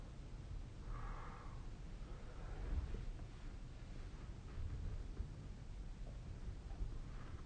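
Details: Snoring during sleep recorded with the SnoreLab snoring app on 2025/05/28.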